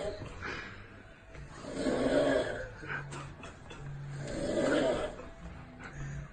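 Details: An adult man snoring in his sleep while his friends prank him: loud, harsh snoring that swells on each breath, roughly every two and a half seconds.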